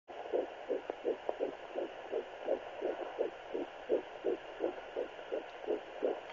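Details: Fast, steady whooshing pulses of a fetal heartbeat at roughly 160 beats per minute during pregnancy.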